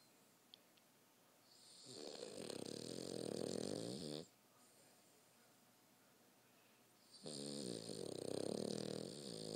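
Two long, buzzing snores on breathing in, about five seconds apart, with quiet room noise between. Ordinary snoring.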